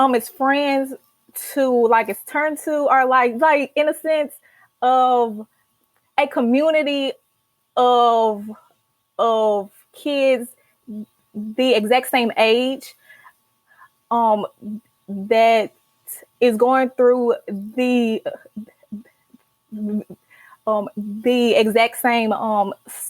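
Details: Stuttering in a young adult woman, a senior college student, who has stuttered since childhood, with stuttering running in her family; she began speech therapy in college; stuttering.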